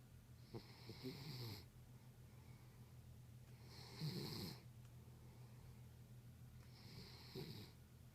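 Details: Soft, regular rattling snores about 20 a minute with a faint hiss on each breath from a sleeping terrier: ordinary snoring.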